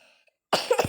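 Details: A person who says she has a cough, playing a Brookhaven game: after faint game sounds, one short, sharp cough burst with a throaty catch at the end.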